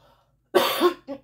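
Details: A single loud harsh cough with a smaller follow-up cough from an adult who reports having sinus trouble; cough linked to sinuses.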